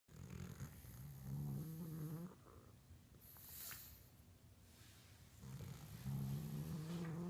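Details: Sleeping pug snoring: low, rumbling, vibrating breaths with quiet airy gaps between them.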